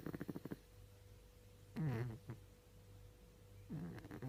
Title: Mucha russa mentre dorme - Mucha is snoring while sleeping